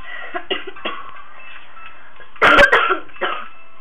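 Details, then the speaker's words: A child with allergies and a sinus infection gives a short burst of one or two loose coughs over background music. "allergies have like infection, sinus infection. So you'll hear me coffee cough."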